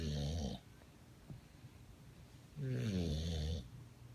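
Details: Sleeping bulldog, dozed off on a person, snoring: two loud, low, rattling snores about two seconds apart with quiet breathing between, typical of a flat-faced dog.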